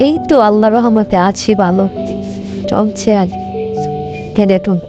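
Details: Acted stuttering in a Bengali comedy skit of two friends who stutter.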